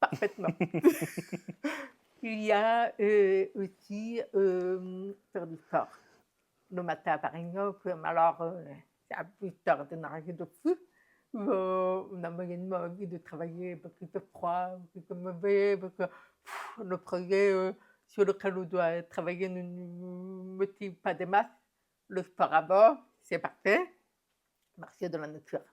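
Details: Adult woman profoundly deaf since birth, who learned to speak through thousands of hours of speech therapy and also lip-reads; deaf speech.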